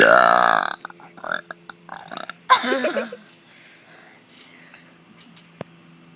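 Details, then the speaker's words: Deliberate burping trick: a long, loud voluntary burp, then a second drawn-out burp, with chatter and laughter between. "yes just stand up and burp and do the biggest ones do biggest burp you ever can do in your [Mūzika]"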